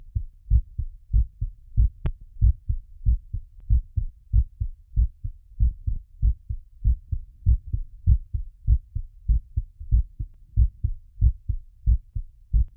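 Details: Heart auscultation during post-exercise recovery: regular lub-dub heart sounds at about 95 beats a minute, a normal, slightly fast rhythm after exercise.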